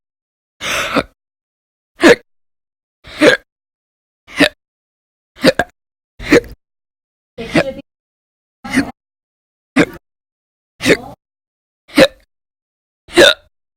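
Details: Persistent hiccups recorded audio-only in January 2020, described as violent, loud and silent; earlier bouts lasted roughly 2–13 hours a day in late December 2019. Eleven abrupt, sharp hiccups in about thirteen seconds, roughly 50 a minute, slightly irregular.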